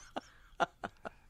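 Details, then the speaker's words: Four short, sharp bursts of throat clearing or small coughs from an adult podcast co-host in a quiet room, who says he has dust in the air; throat clearing. "are you okay? The phlegm, I can hear it. I let 2 sneezes go, but that trombone you just blew back there. Are you all right?"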